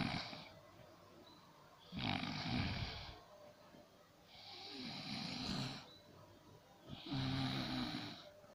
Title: My snore. Loud snore.